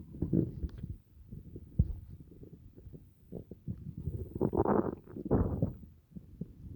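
Low gurgling and bubbling stomach rumbles come and go irregularly, ordinary digestive bowel sounds after a meal.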